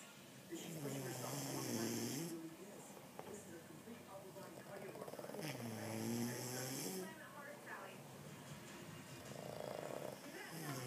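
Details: Two sleepers snoring together: overlapping, long, drawn-out rumbling snores on each breath with a steady background hiss; snoring.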